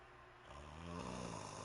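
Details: Snoring from a sleeping woman said to have sleep apnea and snoring, who has laser inhalers for it but does not use them; faint low rumbling snore rising in loudness over background noise.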